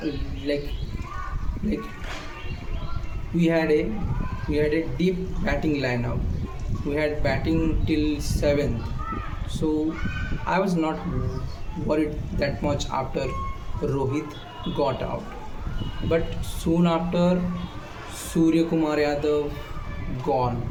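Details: Male speaker with self-reported stammer; phrase restarted after long pauses with voiced sounds; stuttering.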